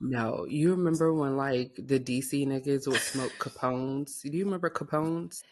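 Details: Adult speaker, podcast; Ordinary speech.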